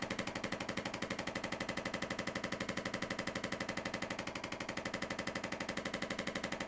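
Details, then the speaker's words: Patient with lower back pain and frequently popping hips, on a chiropractic table: steady rapid mechanical tapping, about four pulses a second, as an adjusting instrument loosens the spine; chiropractic adjusting instrument. "okay let your shoulders relax here nice gentle breathing okay i'm gonna use an instrument now to start loosening up your spine okay"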